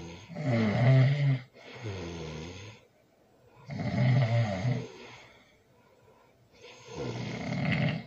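Loud, rough, rattling snores with quieter breathing between, roughly 18 breath sounds a minute. Heavy snoring during sleep.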